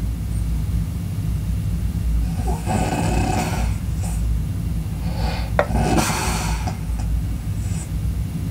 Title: Breathing Loud Sounds snoring Sounds good for studying #entertainment #viral #video